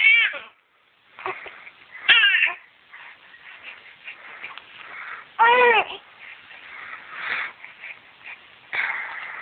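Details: 9-week-old infant girl crying while having hiccups: several short, high-pitched cries and whimpers with quiet gaps between them.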